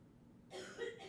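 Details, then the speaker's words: Coughing in the background from an adult with COVID. "the wife is has Co and I'm I'm fighting it if he you can hear the coughing in the background"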